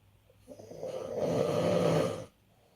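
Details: Adult father snoring in sleep: a single long, rough, rattling snore on the in-breath from airway vibration; ordinary snoring.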